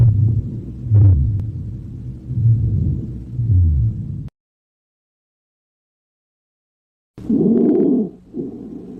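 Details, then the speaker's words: Normal vesicular breath sounds heard with a stethoscope over the posterior chest: soft, low, rustling breathing. "En este punto exploraremos los ruidos de la parte posterior del tórax, que más o menos van a sonar así."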